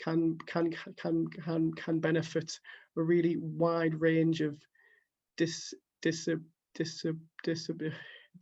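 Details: Stuttering in an adult who stammers, reading quotes from a book at a live online stuttering event, with repeated word repetitions audible.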